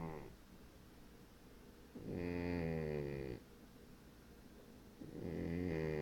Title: snoring man cat